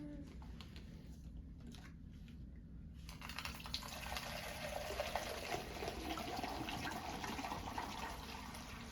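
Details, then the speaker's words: Saline being poured by the circulator into a sterile pan during surgical scrub setup teaching for inguinal hernia repair: liquid splashing into the pan after a short quiet stretch, with room noise. "My circulator would open it, and I can't pour my saline because I'm gowned and gloved. So my circulator will pour my saline."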